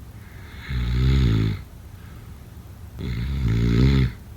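Two long, low, rattling snores about three seconds apart, with quiet pauses between them. Ordinary snoring in sleep.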